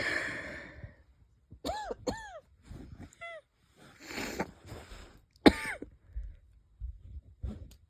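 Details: Several light coughs with a whistling, wheezy edge and a couple of stifled sneezes, possibly from a cold or an asthma flare; a wheezy cough from irritated airways.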